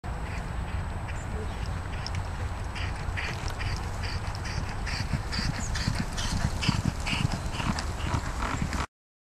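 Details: Horse galloping on a polytrack racecourse with an overground endoscope in place: hoofbeats with loud rhythmic breathing noise and wind; abnormal upper airway noise from axial deviation of the aryepiglottic folds.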